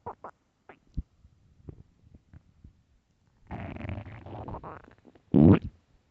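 Low gurgles and rumbling bursts from the belly, ending in a loud growl; hunger stomach growling, a normal finding.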